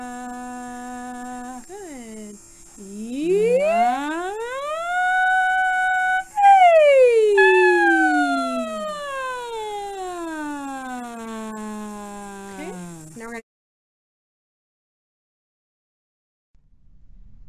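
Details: Normal vocal fold phonation during voicing, recorded on laryngoscopy.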